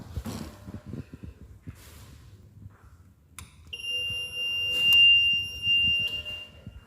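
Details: Quiet room, then a click and steady high-pitched start-up alarm tones as a Hamilton ICU ventilator is switched on via its rear on-off button after oxygen connection.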